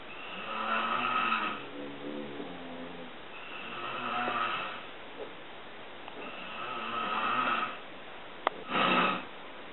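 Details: Adult man (father) snoring during sleep: four rough, rattling breaths every two to three seconds with a sharp click before the last; very loud in person, quieter in the recording.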